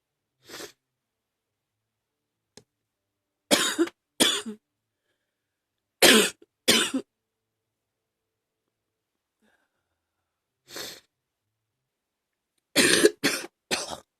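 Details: On day 4 of a viral illness that has moved into the chest, about nine harsh coughs come in pairs and a triplet; chest cough.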